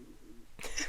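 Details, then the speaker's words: Faint, low, wavering rumble like a soft hoot, then a brief louder rustle: a woman's stomach growling (borborygmi) after taking a shot, captured during a podcast conversation. "oh my I hope you can hear that in the my stomach is like hating me right now"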